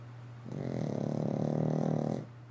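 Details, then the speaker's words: A deeply sleeping companion gives a single low, rumbling, fluttering snore in a quiet room; snoring. "I don't know if you can you can probably hear snoring he's uh he's a deep and deep in dream Dreamland hey quit snoring"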